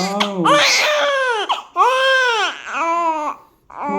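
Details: Newborn immediately after a normal vaginal delivery: loud, strong wailing cries with rising and falling pitch and brief breaths between cries.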